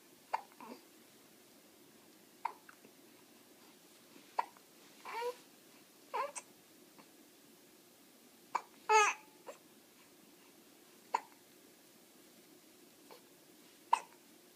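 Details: Infant with hiccups during tummy time: short, sharp, repeated catches in breathing, about eight to nine in fifteen seconds, with soft fussing sounds between them.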